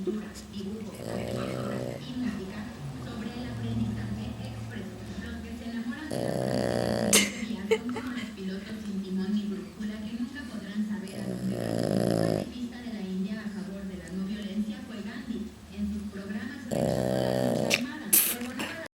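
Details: Pug snoring heavily: three or four rattly, snorting snores about every five seconds over background talk or television. Snoring in a flat-faced dog.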